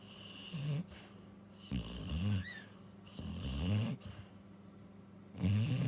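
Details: Labrador dog, female, in deep sleep, twitching all over while snoring: low rumbling snores with soft whimpers, repeating every second or two; ordinary sleep snoring.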